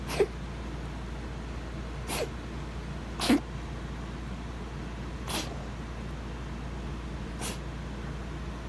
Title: coughing 3